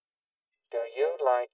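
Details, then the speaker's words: Cochlear implant sound-quality simulation for a woman with single-sided deafness, played to her normal-hearing ear via headphones and tuned to match her implant, with robotic scratching added back. "is there any of that robotic there's a little bit of the robotic scratching sound toy okay so we'll add that back in"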